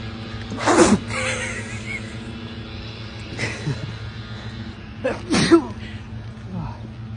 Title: We can’t have a nice walk without a Sneeze attack 😂 (part 10)